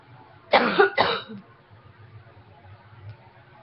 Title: Coughing #3